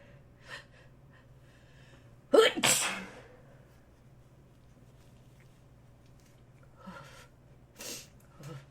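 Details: A single sharp sneeze with a quick intake of breath before it, then quiet breathing and faint room noise; sneeze.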